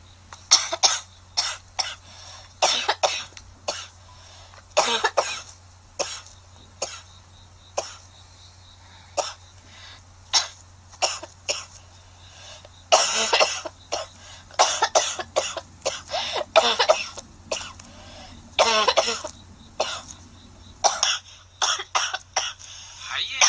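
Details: A girl has a coughing fit, coughing in repeated short bursts and clusters with brief pauses between runs.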